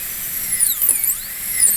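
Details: High-pitched whine of a high-speed dental handpiece, pitch rising and falling as it cuts depth cuts for a porcelain-fused-to-metal crown preparation on a canine, dental teaching session.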